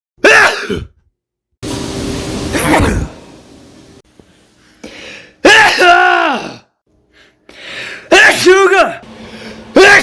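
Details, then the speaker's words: Loud, sudden sneezes with sharp voiced onsets and gasping between them, mixed with voices and background music, followed by a remark on a wild sneeze; a sneezing compilation. "oh gosh what was that sneeze that was a wild one"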